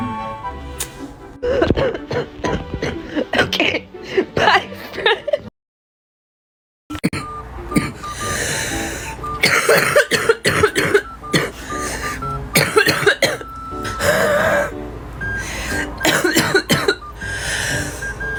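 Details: Young woman with bronchitis and a persistent congested cough that hurts her throat and chest, not yet seen by a doctor: bursts of repeated wet, congested coughs and throat clearing, a wet productive cough.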